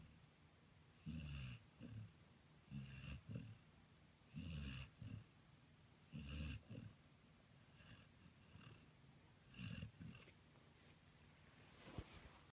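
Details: Soft, low rattling snores in paired bursts, about 18 per minute, irregular, with quiet room noise between; ordinary snoring, recorded 2015.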